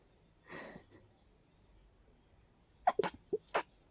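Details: Seasonal allergies in bloom, stuffy all day: a soft breathy intake, then a quick run of four stifled, clipped, powerful sneezes; an allergic sneezing fit.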